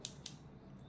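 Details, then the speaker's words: Two quick sharp plastic clicks as a glucometer lancing device's depth dial (0 shallowest to 5 deepest) is set to 5, the deepest puncture, before capillary blood glucose sampling demonstration. "from 0 to the shallowest puncture and 5 to the deepest puncture, in this case we will leave it at 5."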